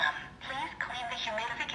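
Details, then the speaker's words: A thin, synthetic female voice prompt plays from a small speaker as a portable 1–6 L/min digital oxygen concentrator is switched on at its rear power switch, with faint room noise. "y ya te da instrucciones cuando enciende"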